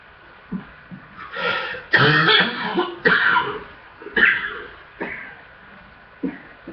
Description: so i have a full chest and hard coughing i guess so far this year is cough mania for me